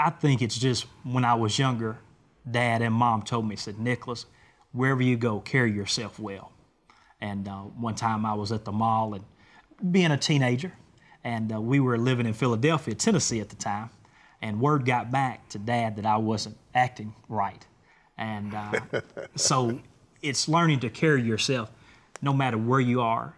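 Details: Adult man; normal voice.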